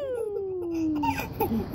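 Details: An infant smiling at fake sneezes gives a brief, falling, tonal cry or squeal, followed by softer babbling sounds in a small room; infant cry.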